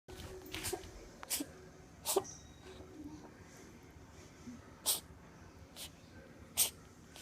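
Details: Five or six short, sharp, hissing bursts from a cat with a cough lasting three weeks before healing: cat cough, easily mistaken for sneezing.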